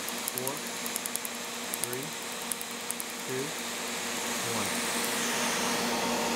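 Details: Tattoo removal laser firing during a treatment session, with countdowns before each pass: sharp, rapid clicking pulses over a steady machine hum, with brief rising tones between bursts.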